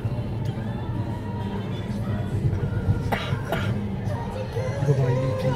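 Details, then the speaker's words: Adult woman (driver's mother) with a severe cold, heard in a car: two short, deep cough bursts coming from deep in the chest, over steady car rumble and soft music. "지금 일반 기침 소리가 아니고 굉장히 그 짙은 소리, 이게 좀 심한데, 어머니 기침이 입에서 나오는 거 아니면 이렇게 저 가슴에서 가슴 속에서 나오는 거?"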